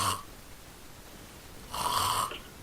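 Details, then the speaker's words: Adult imitating mouth/throat-type snoring, heard straight through the throat, contrasted with nasal snoring: harsh, rattling throat snores, two short bursts with a quiet pause between them. "it's basically a strap that helps keep your mouth closed right now because there's different type of snoring so there's snoring like this"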